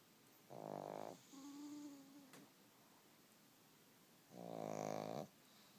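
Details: Snoring: two loud, rough, buzzing breath sounds about four seconds apart, with a fainter whistling breath between them.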